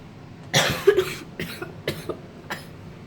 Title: I got a new stand to make better YouTube videos + I have a very bad cough